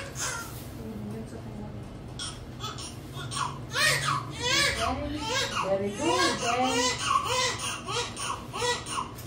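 Short rising-falling cries of a newborn just after delivery, with quiet room talk in the background; a normal newborn cry.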